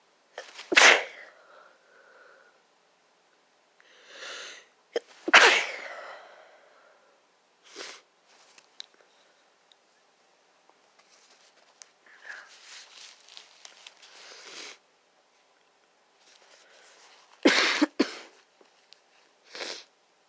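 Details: Sneezing from a sick adult, miserable and barely able to get out of bed: several sharp, explosive sneezes with soft sniffs and breaths between them.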